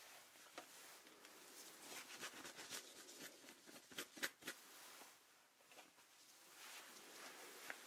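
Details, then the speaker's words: Simulated ASMR deep-cleaning role-play for a nervous patient: soft irregular clicks and scratchy scrapes of gloved hand instruments picking and scraping heavy buildup from teeth in a quiet room; dental hand scaling. "okay this is one of the areas where there's quite a bit of buildup so you will hear some scraping and picking sounds"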